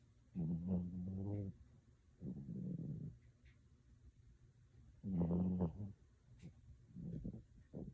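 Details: Sleeping chihuahua snoring.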